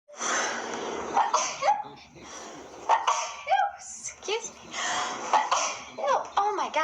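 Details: Woman sneezing repeatedly: a run of sharp, explosive bursts with catching breaths between them, close together in a small room: repeated sneezing.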